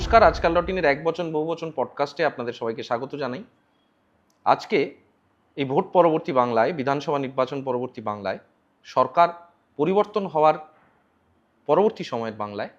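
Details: Adult man; Normal speech.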